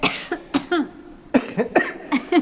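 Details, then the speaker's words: Short, sharp coughs from two adults overlapping, about six bursts in under three seconds, during a night investigation in a former crown court; coughing. "Can you just stop making me cough please? We know you're here."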